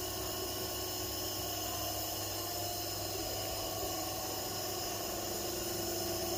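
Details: Steady hiss and hum of a nebulizer compressor running continuously in a quiet room, during hospital nebulizer treatment of a patient with fever and cough.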